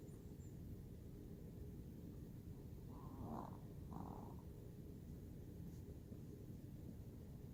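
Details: A sleeping pet dog, Smidgy, gives a soft, continuous low rumbling snore with a pair of slightly louder breathy snorts midway.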